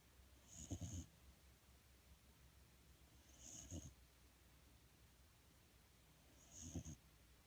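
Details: Three soft, low snoring breaths about 3 seconds apart, roughly 20 a minute, each with a faint high whistle, in a quiet room; snoring.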